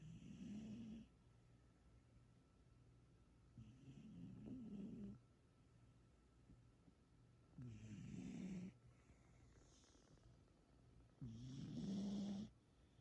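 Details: Sleeping female cat, possibly dreaming, with soft rumbling snores on each breath, about 16 breaths a minute, quiet pauses between; snoring.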